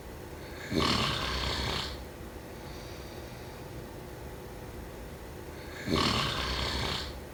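Two harsh, breathy snoring breaths about five seconds apart over background hiss; ordinary sleep snoring.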